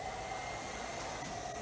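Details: Steady loud airy hiss with a faint hum, the running noise of a Vivo 2 portable barometric non-invasive ventilator, emergency department demonstration.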